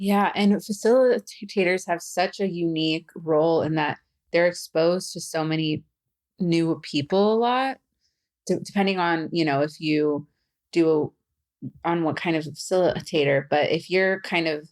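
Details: Adult who stutters, speaking as a facilitator and podcast host; stuttering.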